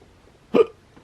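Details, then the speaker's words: Person with a serious case of hiccups that hurt the chest and head: a single sharp, voiced hiccup with a quick gulping catch; hiccup. "all right guys I got the serious case of hiccups and it sucks there goes one oh man I can't stand hiccups"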